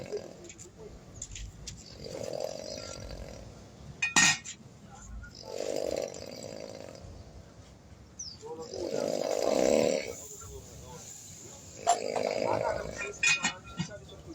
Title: Deep Sleepers snoring